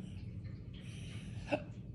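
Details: Adult having a prolonged hiccup attack: a single sharp, abrupt hiccup near the end over quiet room noise.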